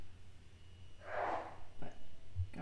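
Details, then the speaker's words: Sneeze: a single muffled sneeze from an adult man in another room, quiet against low room hum. "bless you to my husband if you can hear him sneezing he's sneezing out near the room"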